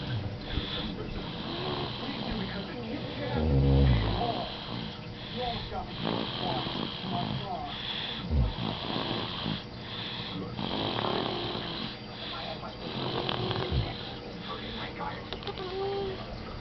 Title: Snoring babies